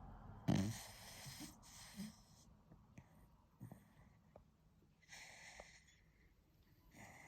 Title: Cute dog snoring while sleeping 💤